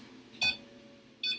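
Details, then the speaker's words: ECG monitor beeping in time with the heartbeat of an anesthetized dog: two short high electronic beeps, each marking one heartbeat, during anesthesia monitoring with QRS/PQRST waveform shown. "so we have a nice QRS pqrst wave here you can hear it also beeps in time with the heartbeat so you can see the heart rate"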